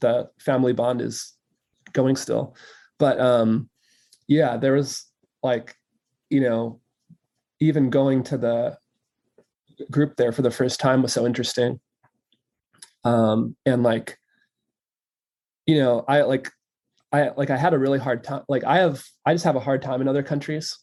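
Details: Adult man who stutters, openly and without hiding it: stuttering.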